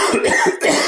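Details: Adult man who has coughed all his life: compilation of his coughs edited out of a podcast recording; cough.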